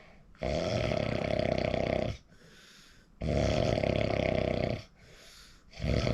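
Loud, rough, rattling snores on each breath in, with quiet breaths out between them, about two snores in six seconds. Heavy snoring.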